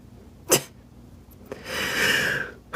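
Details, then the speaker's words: An adult sneezing during a live stream: a short sharp burst, a catch of breath, then a long hissing, partly voiced expulsion of air, one of a sneeze attack apparently triggered by seasoning. "I'm the sneeze queen."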